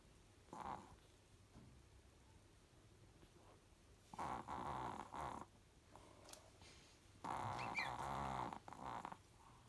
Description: Chihuahua Mum with pups snoring 😴